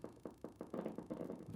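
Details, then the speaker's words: Needle EMG demonstration of a foot muscle during a gentle toe-extension contraction, patient barely moving: crisp thumping pops about five a second on the speaker; normal motor unit potentials, normal shape, amplitude and duration. "good some nice motor units there all normal shape normal amplitude normal duration"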